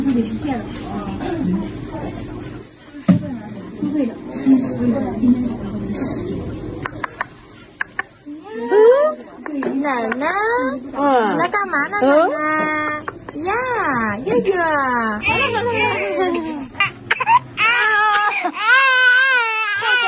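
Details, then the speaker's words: Infant boy in hospital crying loudly in pain after an injection: muffled voices, then loud, high-pitched wailing. "I can see pain in the face of this little boy,he is crying so badly"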